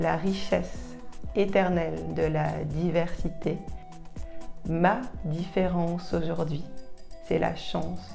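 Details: 43-year-old woman, French speaker, stuttering since age 2–3 (developmental onset, lifelong); stuttering.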